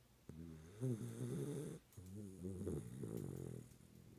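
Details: Sleeping schnauzer snoring: two drawn-out, whistling, grumbling snores with a fluttering quality on each breath.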